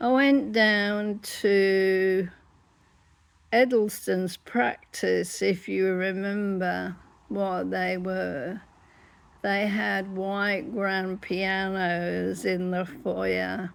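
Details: Laryngeal dystonia in an adult woman with generalized whole-body dystonia whose larynx closes up, so at times she is unable to talk at all.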